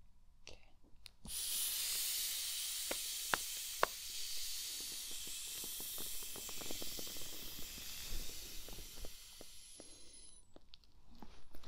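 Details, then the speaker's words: Simulated blood pressure check in a role-played doctor exam, using an old-fashioned manual cuff with a hand pump and stethoscope on the dominant arm; a steady hiss of the cuff deflating with scattered small clicks. "I have the oldfashioned one with me today so we're going to be using this along with the stethoscope and this little pump"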